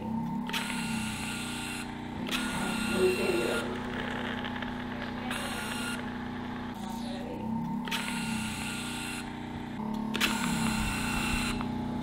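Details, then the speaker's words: Repeated bursts of buzzing mechanical whirring with steady room hum between them: a motorized microneedling injector, nine needles per shot, delivering PRP into an adult woman's neck and chest for skin rejuvenation; 86 shots, about 5 mL. "far this morning we've used 86 shots and each of those shots has nine needle punctures so we've used it we've done a total of approximately 750 needle punctures on um on of of neck there"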